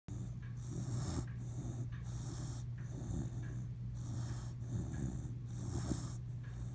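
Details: A sleeping dog snores with rhythmic, rough, snorting breaths over a steady low background hum.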